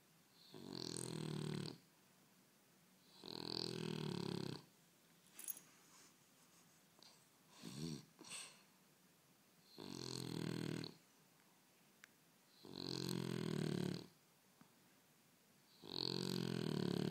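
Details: Snoring during sleep: loud, rattling snores with each breath in, about 20 a minute, with a few softer snorts between them.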